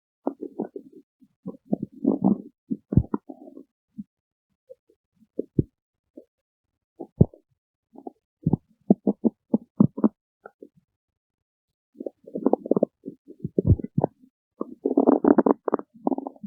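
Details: Irregular gurgling and rumbling bursts with brief pauses from the stomach: ordinary stomach growling, normal bowel sounds (borborygmi).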